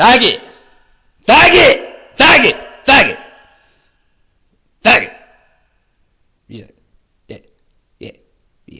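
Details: Man with Tourette syndrome and autism, who also has head-hitting tics, demonstrating repeated involuntary words from before his coprolalia began; Tourette syndrome vocal tics (coprolalia)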